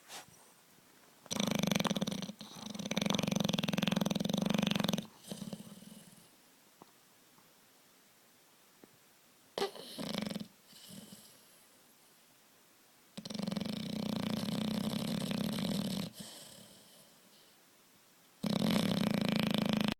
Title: Beauregard the big bulldog snores